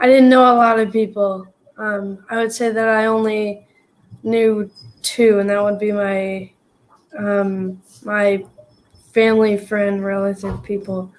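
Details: Stuttering in a young person who stutters; a word repetition is heard.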